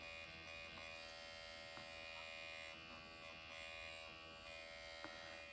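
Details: MD Needle Pen microneedling around the lips with upward motion along the lip line, under numbing ointment: continuous high-pitched motor buzz with occasional soft ticks on skin.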